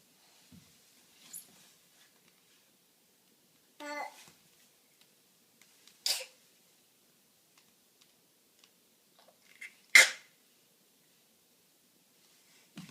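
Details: Young child playing on the floor making funny faces: quiet room with brief child vocal sounds, then a sharp hissing burst near the end, a single small sneeze.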